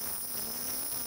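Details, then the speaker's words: A piezo ultrasonic dental scaler with a titanium tip, used with light lateral pressure and a fulcrum finger on plaster-mounted practice teeth in a demonstration, gives a steady high-pitched buzzing whine. "so using that nice lateral technique having my fulcrum finger right on the tooth so you want to have a nice light lateral pressure"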